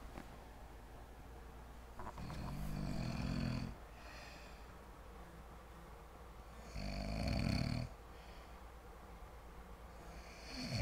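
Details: Loud, rough snoring breaths in from a sleeping man; about two breaths in ten seconds, with quiet exhalations between.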